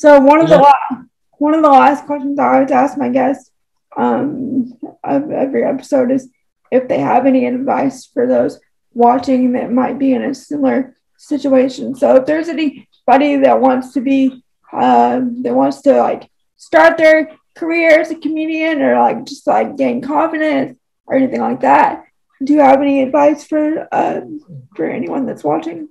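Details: Woman with cerebral palsy who uses a wheelchair; dysarthria (cerebral palsy).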